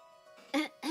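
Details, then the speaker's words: Person recovering from flu, voice not yet back to normal and about to take cough syrup, gives a brief cough of two quick bursts during a livestream, with soft music in the background. "I'm going to drink some cough syrup now. I forgot. So today might be a lot of uh voice fry uh and not that much talking cuz uh basically cuz my voice is still not 100%."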